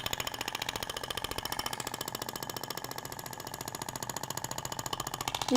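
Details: Radial shockwave applicator (Thork, max 200 mJ) firing fast, steady jackhammer-like tapping bursts, moved in zigzag over the abdomen near the ribs and umbilical scar, in a practical aesthetic physiotherapy training demonstration.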